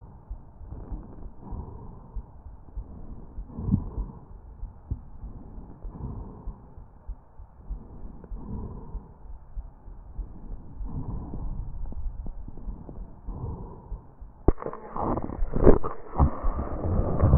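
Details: Real patient: rattling tracheal breaths with crackles and low rumbling rhonchi, then a burst of loud coughs.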